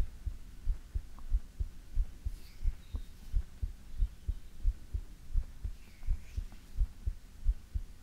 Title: ASMR - You can't Beat it ❤|Heartbeat